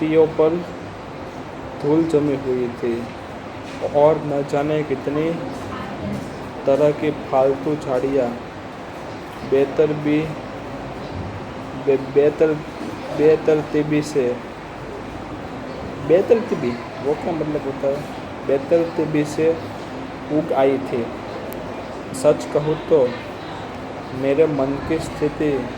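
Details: Adult man with stuttering reading aloud as a fluency exercise on day 65 of his stammering-control journey, practiced in a public hospital; repeated words.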